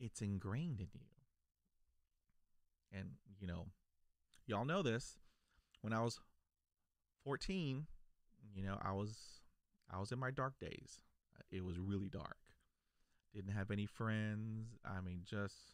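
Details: Adult male who stutters, a lifelong stutterer since childhood; stuttering.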